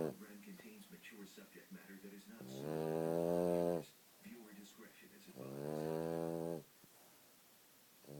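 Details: Two drawn-out, buzzing snores on breathing in, separated by softer snuffly breathing; ordinary snoring.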